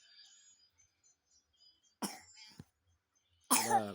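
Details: A young child coughs while suffering from flu and a runny nose.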